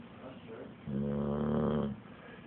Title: My dog snoring OMG